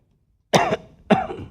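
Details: Two short, harsh cough bursts from an adult, acted for comedy in a Sundanese comedy sketch after returning from a trip, each trailing off into a rough rasp.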